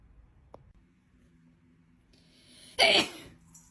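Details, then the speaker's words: A person sneezes near their ginger cat: a soft breathy build-up, then one sudden loud explosive burst of air; a single sneeze in a quiet room. "Cat Doodle when his owner sneeze."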